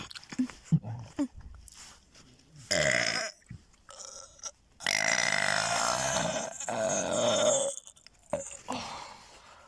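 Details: Several loud, drawn-out throaty belches with short noises between them; burping.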